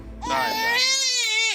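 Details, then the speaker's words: 5-month-old baby assessed by paramedics after a worrying allergic reaction: loud, sustained wail with a clear, full voice, a brief break, then another cry: textbook good strong cry. "Good strong cry. It is. Textbook good strong cry."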